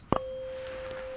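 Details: In a roleplay hearing exam, a tuning fork is placed behind the ear: a brief strike, then a steady, pure ringing tone; tuning fork tone, bone-conduction step of a Rinne test.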